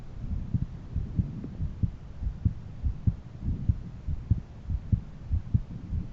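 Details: Own heartbeat auscultated with a stethoscope at different valve areas: regular low lub-dub heart sounds, about 95 beats a minute, with a soft background hum; normal heart sounds.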